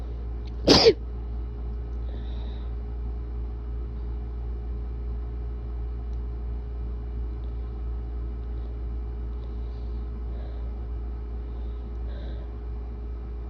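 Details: Person with bad allergies and a very tickly nose deliberately inducing wet sneezes: one sharp, explosive sneeze near the start, then steady low background rumble.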